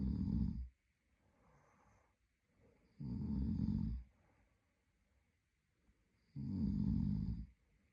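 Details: A sleeping adult man (boyfriend) gives three loud, low, rattling snores on the in-breath, with quieter out-breaths between, about 23 breaths a minute; ordinary snoring.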